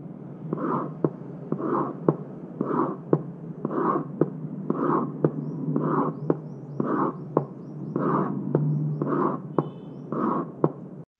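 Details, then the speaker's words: Cardboard-box imitation of the pansystolic murmur of mitral regurgitation, starting with and obscuring S1, blowing in quality: an imitated heartbeat with a blowing whoosh filling each beat, then a sharp tap. "pansystolic murmur in mitral regurgitation it starts with s1 so obscures s1 it has a blowing quality"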